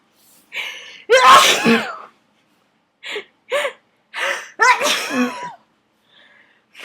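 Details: Run of about six forceful sneezes, some with a gasping intake before them, in a quiet room: a messy sneezing fit in an adult, set off by dust in an attic.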